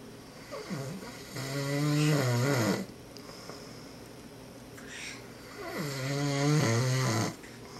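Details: Sleeping father (Dad) recorded by his children, who says he doesn't snore: two long, loud, rattling snores on the in-breath separated by a quiet out-breath, faint room noise. Ordinary heavy snoring.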